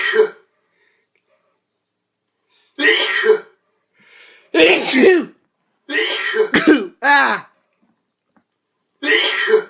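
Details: Sneezing contest between two subjects: several short, explosive bursts with a sharp intake and release, separated by silence; sneezes, possibly throat clearing.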